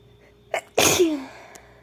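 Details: Single forceful acted sneeze from a female, with a short in-breath before it and a falling voiced tail, in a quiet room; in a caretaking roleplay about being sick.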